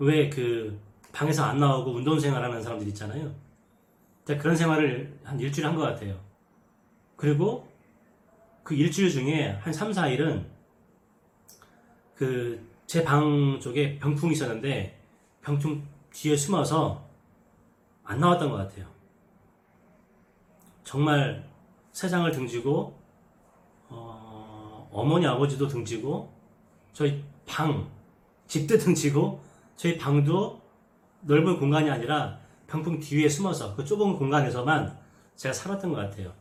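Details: Adult man with stuttering and social avoidance due to it, who says he no longer has such experiences now; stuttering.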